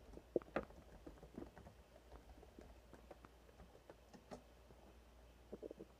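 Scattered soft gurgles and brief popping sounds over a low steady hum, with a few faint clicks: ordinary stomach growling (borborygmi).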